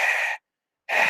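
A brief, breathy, high blowing sound like a whispered 'E': a vocal imitation of a pleuritic blow (pleural souffle).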